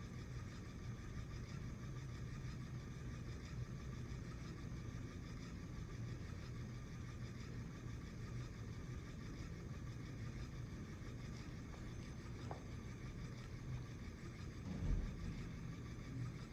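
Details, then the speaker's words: Low, steady motor hum of a Curlin home infusion pump held on its prime button to push medication through the tubing, with a brief click near the end. "so we're going to push that once and now I'm going to hold it down and you'll hear it start to work and you'll see the medication come through"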